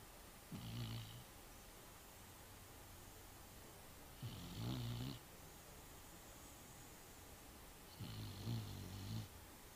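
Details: Snoring: steady, low, buzzing snores about every four seconds, roughly 16 a minute, over quiet room noise.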